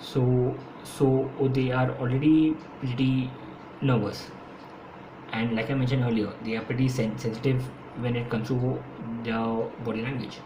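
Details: Adult man who has stammered since school and says he stammers more when speaking faster; his own speech, with repetitions: stuttering.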